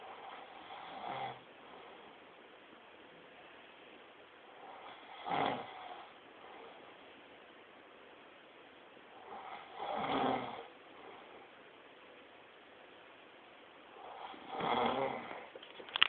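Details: Man snoring during sleep: four slow, rough snoring breaths at regular spacing, about 13 a minute, over low room hiss.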